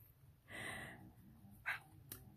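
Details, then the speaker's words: A sleeping dog gives a single loud, noisy, rasping snore breath in a quiet room, followed by a brief snort; snoring. "Oh my gosh, y'all, he is snoring so loud. I am so sorry."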